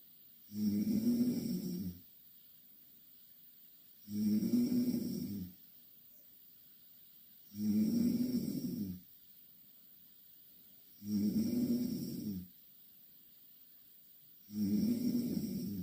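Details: Two Korean girls asleep in the same bed: loud, rough, rattling snores on each breath in, regular at about 17 breaths a minute, with quiet exhalations between; steady heavy snoring.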